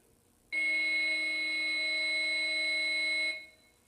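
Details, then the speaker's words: AED training unit (no real shock) on a CPR/AED demonstration: after "Shock advised. Charging. Everyone stand clear," a steady high electronic charging tone lasting about three seconds before the shock prompt. "Shock advised. Charging. Everyone stand clear."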